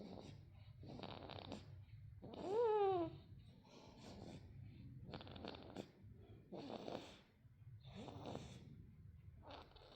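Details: A 34-day-old mixed-race baby snoring happily in sleep: soft rhythmic snoring breaths with a brief whimper or sleep-talk sound; normal infant snoring.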